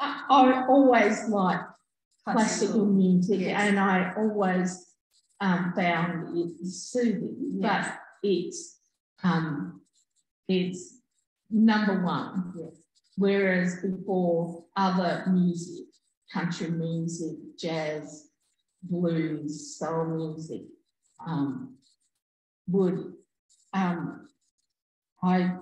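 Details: Adult woman with aphasia after a stroke in August 2020, who could only say "um" at onset; she still has word-finding difficulty and delayed speech output; finding: aphasia with word-finding difficulty.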